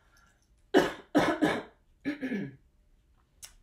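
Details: Three short, sharp coughs in quick succession, then a voiced throat clearing in a quiet room, from an adult midwife burning a sage stick who mentions having had lung issues.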